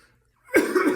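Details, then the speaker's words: Normal voluntary cough from an adult man during a cough assessment, performed twice: inhalation, glottal closure with a breath-hold pause, abdominal contraction, then forced expiration. A single strong, sharp, slightly productive effective cough. "he inhaled he performed glottal closure which was that pause or holding of his breath he contracted his abdominal muscles and then he uh had forced expiration"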